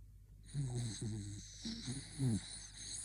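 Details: Small male Bichon Frise dog snoring: a quick run of four short, low, rattling snore sounds over a steady background hiss.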